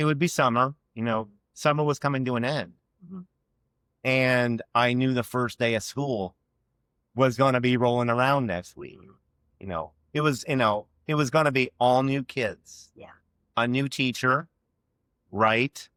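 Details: Adult man with a lifelong stutter since childhood; stuttering.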